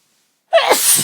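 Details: Sneeze in a recording of deliberately stifled sneezes: one sudden, loud, hissing sneeze burst after silence, an ordinary sneeze.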